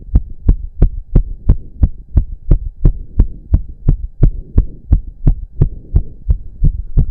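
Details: Male during a roughly 15-minute intense cardio workout, with heavy breathing. Strong, regular, fast pounding heartbeat of about 175 bpm; reported close to 200 bpm. Sinus tachycardia with exercise.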